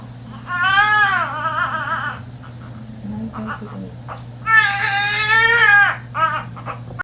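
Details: Two strong rising-and-falling cry bouts from a newborn boy just after a fast normal vaginal delivery (mother's second baby), with low hum and faint talk behind; a vigorous normal newborn cry.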